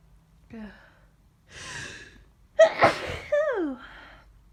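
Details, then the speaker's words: Person who woke with aches, sore throat and headache, sneezing all morning and suspecting a cold or flu: sharp inhaled gasp, explosive sneeze, trailing voiced exhale. "I need to. I've been sneezing like this all morning. I don't know. What's wrong with me? I need. I think I'm getting sick."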